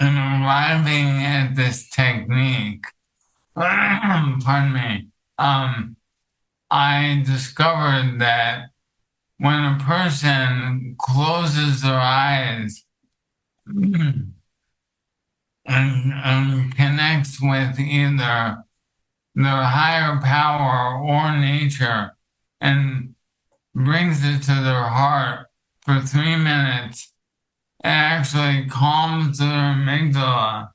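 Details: Dysarthria from ALS in an adult male counselor; the ALS affects his vocal cords, makes talking for long periods difficult and has reduced his speech clarity.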